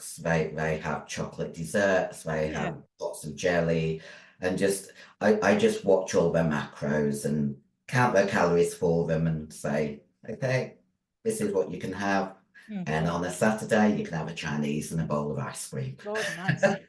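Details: Androgen-induced voice deepening (virilized voice) in a 56-year-old female bodybuilder after large-dose anabolic steroid use, including male steroids; voice formerly high-pitched, now very deep, can no longer sing; also has chronic kidney disease.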